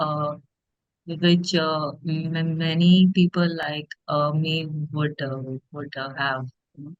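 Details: Adult woman who stammers; stuttering.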